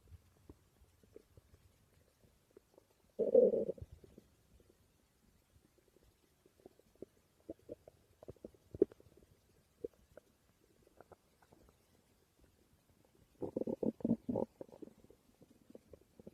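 Low gurgling rumbles with soft bubbling between them, the normal growling of gas and fluid moving through the gut.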